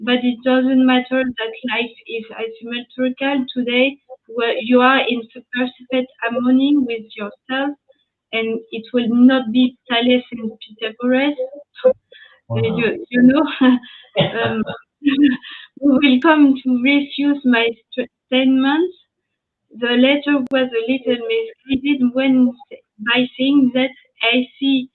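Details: Young woman, French, with lasting aphasia after an ischemic stroke at age 22 in July 2011; initially mute for 10 days, then a year of rehabilitation; speaking years later, still recovering language; post-stroke aphasia.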